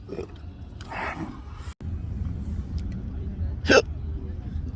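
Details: Adult with intractable hiccups since December 2015, on a new GERD medication regimen, September 2020 after five hiccup-free days; abrupt sharp hiccups over steady road noise.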